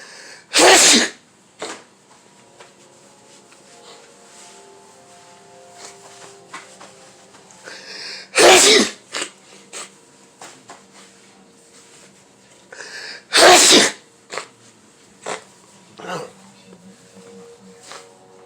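Three loud, explosive sneezes spaced several seconds apart, with quiet room noise between them: a bout of sneezing.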